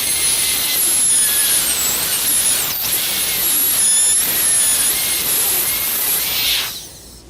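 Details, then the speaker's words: High-pitched whine of a high-speed dental handpiece, pitch dipping as it cuts occlusal depth grooves on a dentiform mandibular molar for a gold crown preparation, then winding down at the end. "Now, the buccal depth cuts will be extended over the crest of the buccal cusp and will serve to place the so-called functional cusp bevel."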